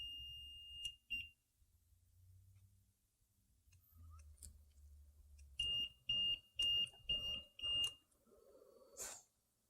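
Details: Home ventilator during a leak-test training demonstration: after the test passes and the circuit is reinstalled, high-pitched beeps sound, a short burst then five regular beeps, as it switches into run mode; an expected alarm.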